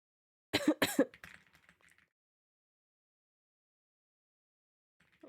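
Two sharp, harsh cough bursts followed by a softer rattling, throat-clearing tail, then quiet; a wet, productive-sounding cough lingering after flu.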